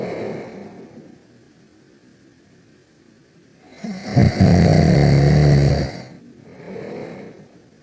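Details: Cartoon sound, not real: one loud, low, rattling snore lasting about two seconds, from a character napping, between quieter stretches.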